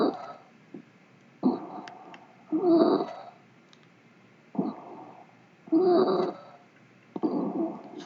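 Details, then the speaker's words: Harsh, high-pitched, strained breath sounds with each breath from upper airway narrowing, in a patient visibly struggling to breathe: stridor. "뭐 튜머 또는 여러 가지 티비와 같은 또는 포린 바디와 같은 문제 때문에 좁아지는 경우에 이런 소리가 나게 되"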